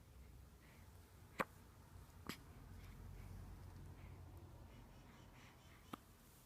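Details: Three brief, sharp clicks spaced a second or more apart in a quiet room from a 5-day-old newborn; hiccups.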